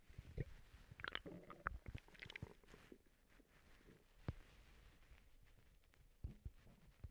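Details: Gurgling, bubbling and squeaking bowel sounds (borborygmi) come in irregular bursts from an adult's abdomen, with quieter stretches between. The person says they have recently been sick and throwing up.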